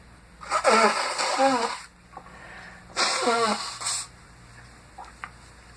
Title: Caught this sneezing fit at work. Unknown cause